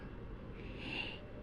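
A steady, low, rough rumble with a breathy hiss rising near the end, consistent with a snore on a breath in.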